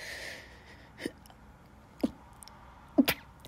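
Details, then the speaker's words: Person allergic to dust, sneezing after cleaning: three small, stifled sneezes about a second apart; repeated sneezing, can't stop sneezing. "So yeah, so now I feel better. I just can't stop sneezing."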